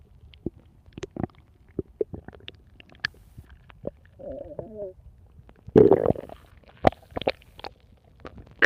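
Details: Lupi's stomach growling, bowel sounds (borborygmi).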